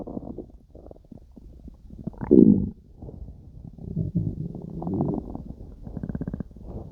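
Low gurgling rumbles with bubbly pops and one louder gurgle midway, then a run of rapid clicking gurgles: active bowel sounds of normal digestion.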